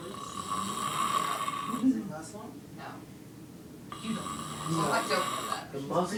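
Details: Sleeping adult man (dad) snoring loudly with rattling snores on breathing in, over steady room hum; snoring.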